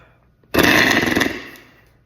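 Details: A single forceful exhalation through an adjustable-resistance Vibra PEP oscillating device, demonstrated without phlegm, gives a buzzing, rattling flutter that fades over about 1.5 seconds.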